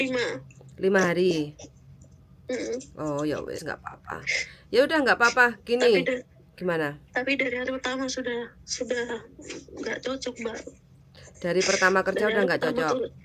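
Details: Adult woman, conversational speech; typical voice.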